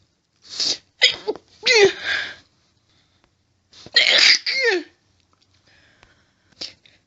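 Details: Female, intense fit of deliberately stifled sneezes that make her nose itchy: several sharp, explosive, harsh sneezes in quick clusters, some forcefully held back, in a quiet room.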